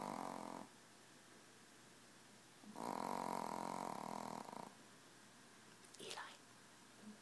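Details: Sleeping 4-pound Yorkie snoring loudly like a chainsaw: two long, rumbling snores with a quiet gap between and a brief snort at the end.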